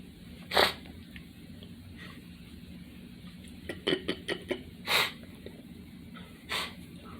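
Three short explosive bursts with a cluster of quick sniffs and snorts between them, consistent with sneezing in a quiet room.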